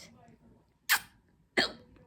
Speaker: Oh my gosh. These are loud hiccups.